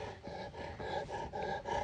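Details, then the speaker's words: Newfoundland dog with laryngeal paralysis, suspected last summer and now progressing over several weeks; harsh, roaring, raspy noise on inhaling: inspiratory stridor. "turns out he was right and over the past several weeks we've noticed Murphy experiencing this like Strider when he inhales that's what you can hear right now"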